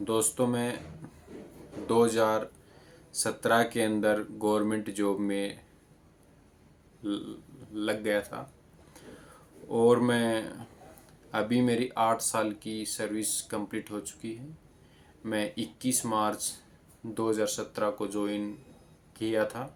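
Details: Adult man born 1996 with stammering since childhood, Hindi speaker, practising speech exercises for about two months with some improvement; stuttering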